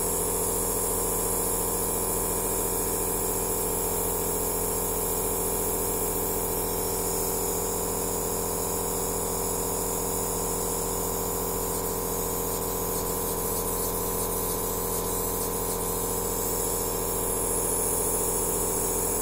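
Steady mechanical hum with a fast, regular pulsing buzz from a running aerosol therapy machine.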